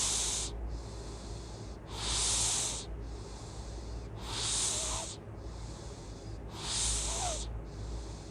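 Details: Loud snoring breathing: hissing, snorting breaths about 26 a minute over a steady low hum.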